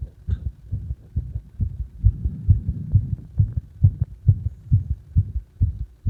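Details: Own heartbeat recorded during CPR: steady, fast, low thumping at about 133 a minute over a faint hum.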